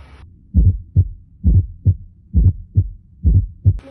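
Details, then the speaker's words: Fourth heart sound (S4 gallop), described as pathological from blood hitting stagnant ventricular blood: regular low heart sounds near 67 a minute with an extra dull sound just before each first sound. "E aí o sangue que desce do áro ele vai est vai e ter um choque com esse sangue estagnado e vai gerar também o ruído tu só que a sequência dele é diferente da B3 que é no caso esse"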